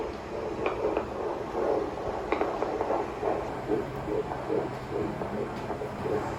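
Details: Fetal heartbeat on Doppler at a midwife prenatal appointment, mother about 16 weeks pregnant: fast, regular whooshing pulses over static, about 144 a minute, normal.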